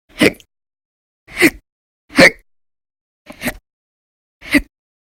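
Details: Persistent violent, very loud hiccups (singultus) in episodes lasting about 10–13 hours a day through December 2019, audio only: five short, abrupt catching sounds about a second apart, roughly 60 a minute.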